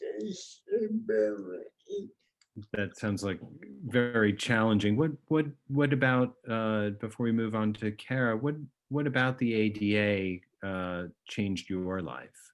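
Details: Adult male speaker; normal speech.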